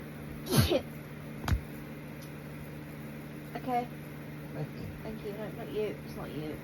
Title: Blessed girly sneezes